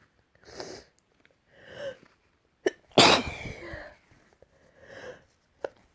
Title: Morning sneezes